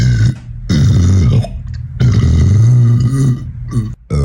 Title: Loud Bassy Guy Burps Comp2